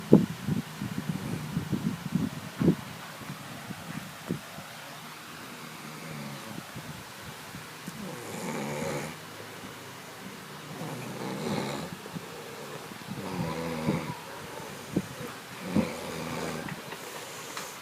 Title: My babe sleeping while snoring :)))) ILOVEYOU :)